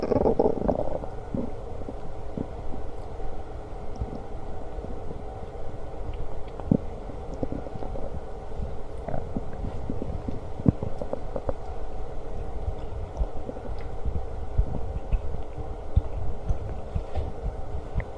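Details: Stomach growling during lunch, with burps: low gurgling rumbles and scattered bubbling pops over steady low noise; borborygmi while eating.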